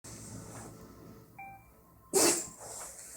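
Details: Dog's sneezing fit: one sharp, explosive sneeze over quiet room noise, with a brief electronic tone just before it.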